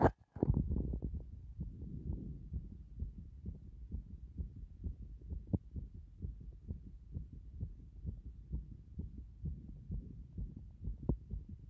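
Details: Normal heart sounds recorded through a stethoscope at various chest positions: steady soft heartbeat thuds, roughly 65 to 70 beats a minute, with some stethoscope rubbing noise.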